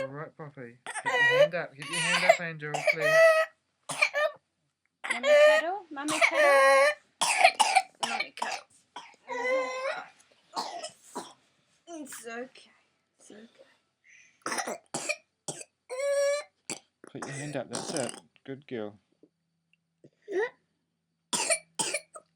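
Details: Swab-confirmed pertussis in a 22-month-old fully immunised girl: paroxysm of repeated coughing bursts with high, strained, voiced gasps between spells, during a whooping cough fit.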